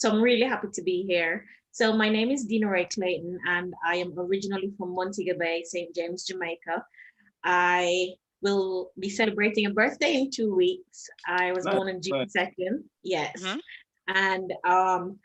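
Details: Foreign accent syndrome in a Jamaican woman after a head injury and stroke from a 2019 car accident; her accent went from American to Trinidadian to a persisting British one.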